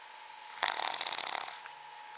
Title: snoring